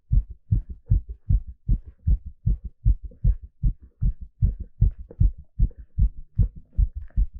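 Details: Live heartbeat recorded during an ECG exercise stress test: fast, regular, crisp paired thumps at about 150 beats a minute, normal heart sounds during exercise.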